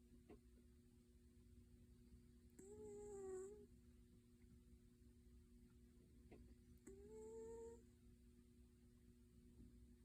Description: Kitty sings through his nosey when he sleeps :)